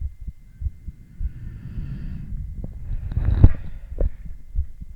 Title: Male heartbeat EKG ECG with heart sounds